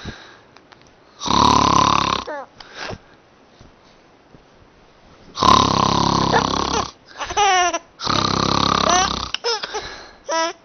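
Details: Father fake snoring as he lies down for a nap: loud, rough, rattling snores in long bursts with pauses between them.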